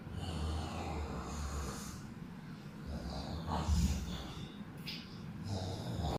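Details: Snoring during sleep: low, rumbling snorts and snores with a few sharper snuffling sounds in between.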